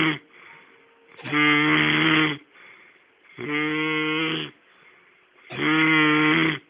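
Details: Man asleep in front of the TV, snoring: loud, rhythmic, buzzing, voiced snores about one every two seconds, separated by quieter breaths out.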